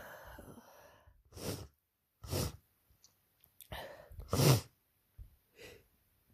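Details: Person with a cold and sore throat since last night, after working a week at summer camp: several sneezes, some with sharp inhaled build-ups, in a quiet room; repeated sneezing.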